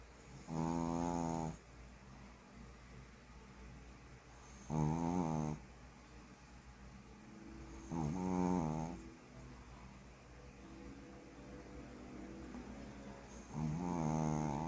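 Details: Sleeping dog snoring loudly, rough snores on each in-breath, about four in fifteen seconds, with quiet breathing out between.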